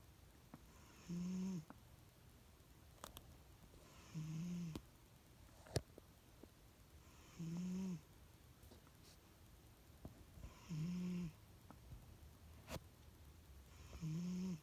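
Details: Regular low rumbling snores about every three seconds, roughly 18 a minute, with faint room noise and occasional clicks; ordinary snoring during sleep.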